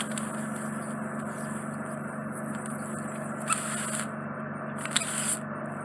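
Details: Continuous suction hiss with scraping and crackling bursts during microsuction of a large, deep impacted ear wax plug in a man's right ear canal causing reduced hearing; the wax is drawn through a narrow canal entrance.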